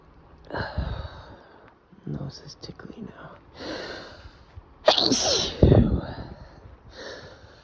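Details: Male sneezer: breathy build-ups and stifled bursts followed by one full, forceful sneeze, with sighs, sniffles and soft voice sounds between.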